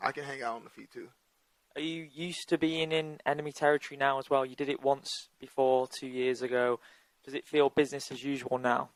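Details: Adult male speaker; normal speech.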